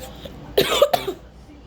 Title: sorry i cough at the end 😅